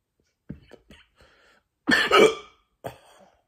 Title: Bad hiccups